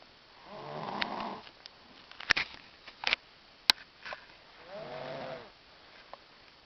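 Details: Girl snoring in sleep, though she denies snoring: two drawn-out, fluttering snores about four seconds apart, with light clicks and rustling between them.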